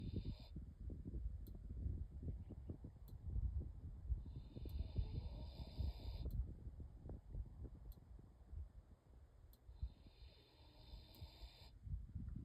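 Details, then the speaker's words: Sleeping female pig on a farm: soft, irregular low grunting and rumbling breath noises, with rhythmic ticking and hiss in the background; snoring. "She is totally snoring."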